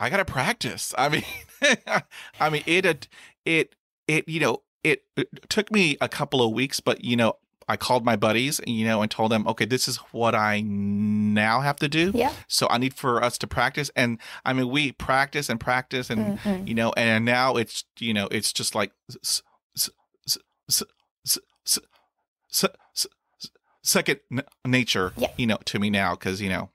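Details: Adult male who has stuttered since childhood, reporting sound repetitions, blocks with closed eyes and stopped breathing, and heavy breathing on attempted words; stuttering.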